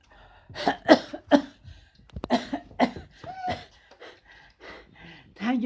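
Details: A father's harsh, forceful run of coughs with throaty vocal sounds in a small room, as his 32-month-old child reacts; cough.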